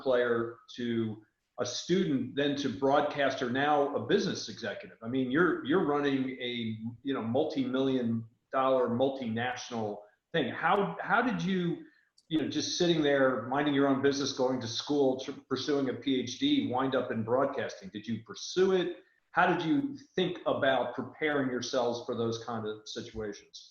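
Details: Adult man speaking; ordinary speech.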